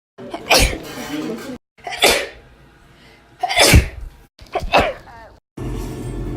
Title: 2k18 sneezes